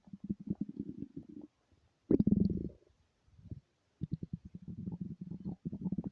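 Low, bubbling gurgles and rumbling runs with brief quiet gaps: ordinary stomach growling from hunger, a normal bowel sound.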